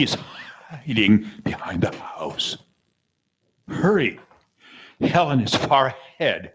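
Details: Abductor spasmodic dysphonia, the less common form, with spasms in the laryngeal opening muscle keeping the vocal folds apart.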